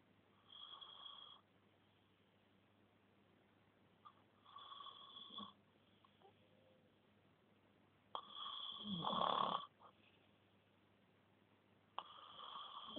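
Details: Person snoring: soft whistling snores with one louder snort, several breaths in thirteen seconds, over quiet room noise.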